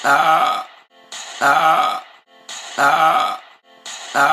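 Three identical, evenly spaced, groaning belch-like sounds repeating in a loop, consistent with burping.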